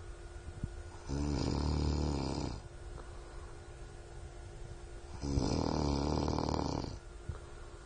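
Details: Person snoring while asleep who does not wake when called: two loud, rattling snores on the in-breath, about four seconds apart (roughly 14–15 breaths a minute), with quiet pauses between them.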